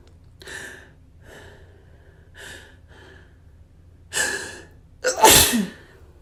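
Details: Several quiet breathy inhalations building up, then two sharp explosive sneezes, attributed to dust.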